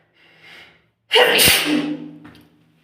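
A faint breath in, then one forceful explosive sneeze that fades out quickly.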